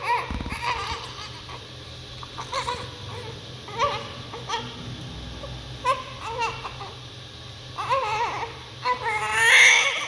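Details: Baby's first cry just after birth: repeated bursts of newborn crying with short pauses between them and soft room noise behind; an ordinary healthy cry.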